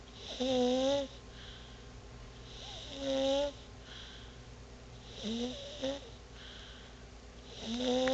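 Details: Baby snoring: loud, tonal, fluttering snores on each breath, about one every three seconds, with a slight whistle.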